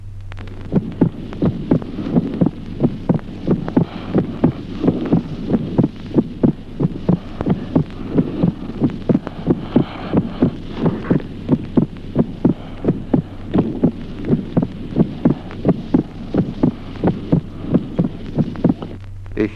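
Steady heart sounds at about 90 beats a minute over a low hum; the second sound splits into two parts with breathing in, a split second heart sound.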